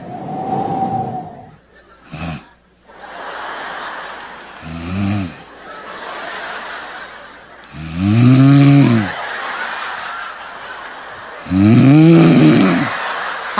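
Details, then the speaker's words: Imitated snoring in a comic routine about men whose snoring starts soft and ends loud: soft, breathy, relaxing snores give way to three increasingly loud, rattling voiced snores a few seconds apart. "empiezan a roncar Tan suave que hasta te relajas de los suaves que roncan al principio así de o sea te sientes en la playa con esos ronquillo te relajas"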